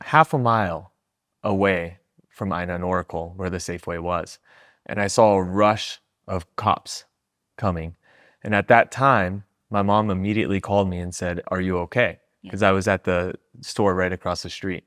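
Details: Adult speaker; no disorder.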